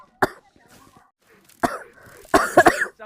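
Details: Girl with a very bad cold, voice gone and sore throat, coughing while gaming on a live stream: several sharp coughs, some in a quick cluster, between quiet murmured sounds.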